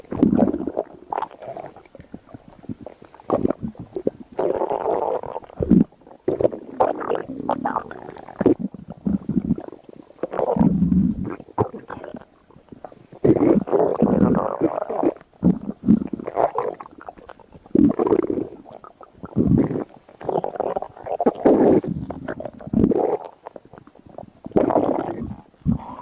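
Irregular gurgling, rumbling bursts from an adult abdomen: ordinary stomach growling from gas and fluid moving through the gut.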